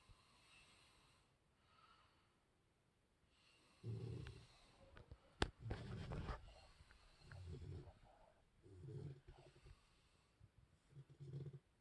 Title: Snoring puppy, Snoring human...in around